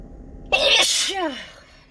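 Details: Morning sneezing fit, thought to be from fall allergies: one sharp, explosive sneeze with a short, falling voiced tail.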